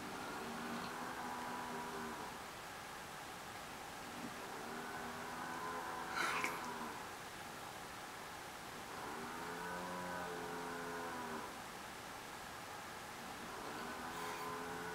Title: Dad snoring (for reals - no, it is not a truck or a large animal)